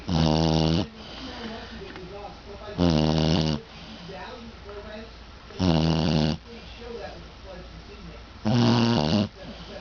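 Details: Dog snoozing in his basket: loud buzzing snores with a strong throaty rattle, about 21 breaths a minute, with quieter breathing out between; snoring.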